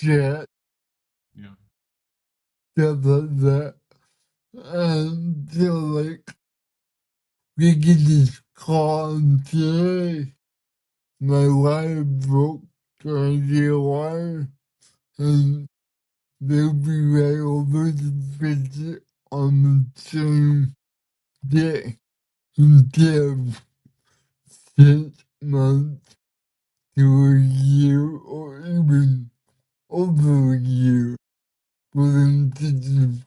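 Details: 32-year-old man with cerebral palsy whose body resists him, making communication hard at times; listeners found him hard to understand at first; dysarthria (cerebral palsy).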